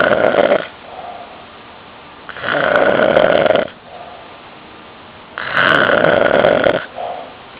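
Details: Adult man (uncle) snoring very loudly during sleep: harsh snores, three long rasping breaths in about seven and a half seconds with quieter breathing between, heavy snoring.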